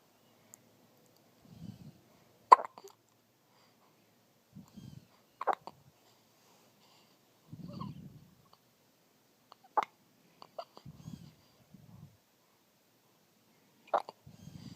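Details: Baby with hiccups: sharp catching hiccups about every four seconds, roughly 15 a minute, between soft baby breaths and murmurs; infant hiccups.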